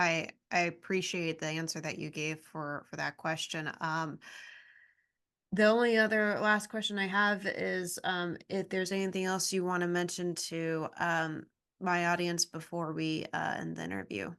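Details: Adult speaker in an interview; ordinary speech.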